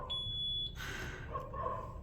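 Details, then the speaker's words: Zoll ventilator training demo for paramedics: a steady high-pitched alarm tone that then cuts off, the oxygen supply alarm triggered when FiO2 is turned up with no O2 tank attached, clearing on return to room air. "now it's going to give me alarm it's going to say well we can't suck in any more oxygen because we don't have a O2 tank attached"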